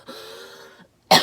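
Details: Adult female singer on a livestream: a faint hummed voice, a brief pause, then one sharp, loud cough burst.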